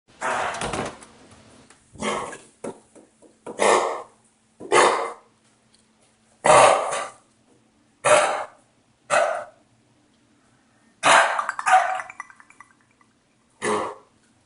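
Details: A dog gives about ten harsh, forceful coughs in irregular bursts, as if trying to bring something up.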